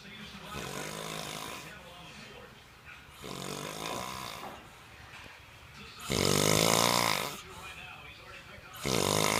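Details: Loud, rattling snores from a sleeping old man, the speaker's father, building and fading over a second each with raspy breathing between; snoring.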